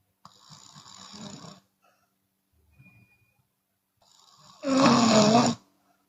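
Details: Chinese woman snoring with an open mouth, sometimes on exhale: two loud rattling snores, the second much louder and harsher, separated by a quiet pause.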